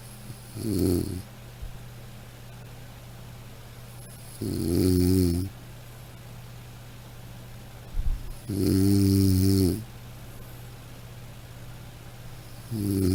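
Slow snores about 15 a minute, some with a buzzing, voiced tone, over a steady low room hum.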